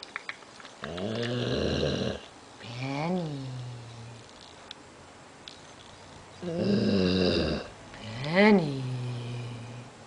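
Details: Sleeping dog, described as having a bad dream, snoring loudly: a rattling snore on each inhale and a whining, groaning exhale over two breath cycles.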